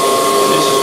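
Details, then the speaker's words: Steady high whine of a podiatry nail bur over a loud vacuum rush, smoothing toenails during at-risk foot care; typically painless, may tickle. "so when the vacuum turns on what happens is I can get these pretty much smooth as glass so if you watch right here typically it's not painful at all it might tickle a little bit"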